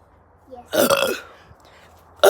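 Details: Person drinking a Coke has a single loud, drawn-out voiced belch lasting about half a second in a quiet room; burping.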